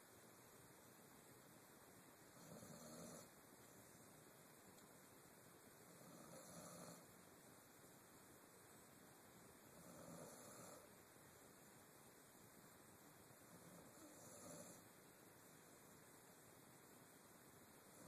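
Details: Soft, regular snuffling snores about every four seconds, roughly 16 a minute, over steady background hiss; a sleeping dog snoring.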